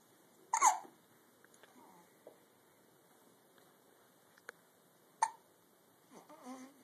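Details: Young child with hiccups: two sharp hiccups a few seconds apart in a quiet room, with soft child vocal sounds at the end.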